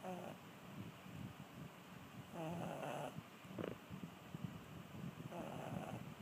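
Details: Brussels Griffon dog snoring: repeated rough, rattling snores with grunting squeaks on each breath, likened to an ewok, over steady background noise.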